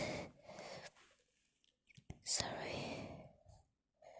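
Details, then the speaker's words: Sneezing fit while speaking: breathy gasps, snorts and stifled sneezing bursts in quick succession in a quiet room; the person says they can't control it and can't breathe well. ">> I got to sneeze. Excuse me. Excuse me."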